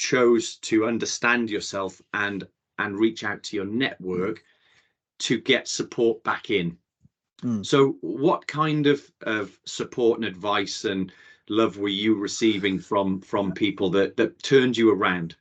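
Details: Adult male speaker; typical speech.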